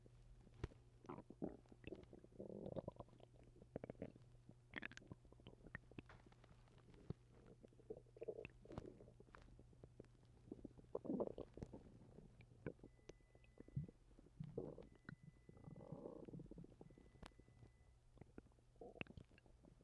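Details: Stomach noises from someone recently sick and vomiting: gurgling, bubbling rumbles in bursts with soft pops over a steady low hum, bowel sounds from gas and fluid moving.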